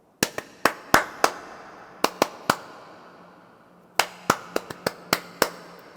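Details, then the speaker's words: Simulated arrhythmia, demonstrated as a complication of heavy energy-drink caffeine intake: sharp tapping beats in clusters at uneven intervals with pauses, no regularity; irregular heart rhythm. "Next is yung arrhythmia. Ito po yung normal na heartbeat dapat. Ngayon, kung meron kang arrhythmia, ganito po yung magiging heartbeat"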